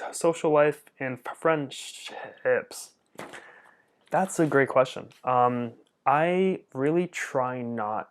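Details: Adult man who stutters; stuttering.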